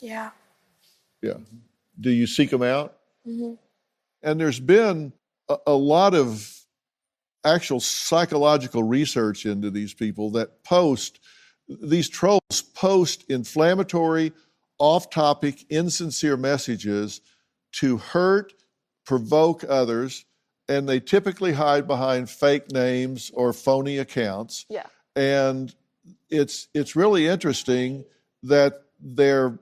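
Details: Adult speakers in conversation; ordinary speech.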